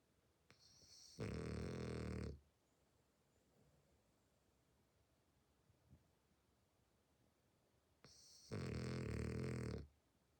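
Two long, loud, rattling snores with a brief intake before each, separated by quiet pauses; steady snoring in a flat-faced dog.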